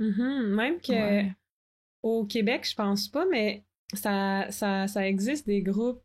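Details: Adult woman who stutters, a master's candidate in speech-language pathology; stuttering.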